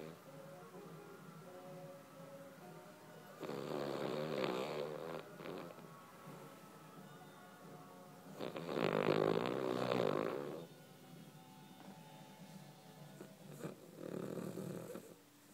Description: Charlie has a hard life as he has to sleep and snore all day